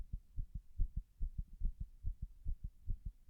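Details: Heart sounds recorded after six minutes of pressure while standing against a wall: fast heartbeats, about 140 a minute, with uneven spacing between beats; irregular rhythm (arrhythmia).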